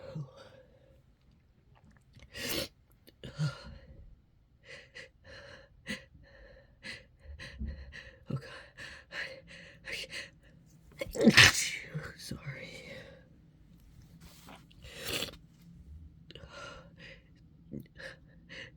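A few abrupt sneezes among quiet breaths and small catches of air, in a quiet room.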